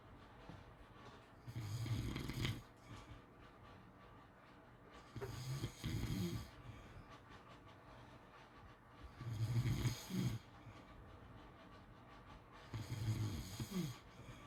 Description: ASMR snoring sounds to sleep well